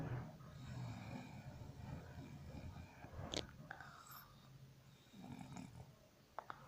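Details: Sleeping dog snores with low, rumbling, fluttery breaths and a few faint mouth clicks.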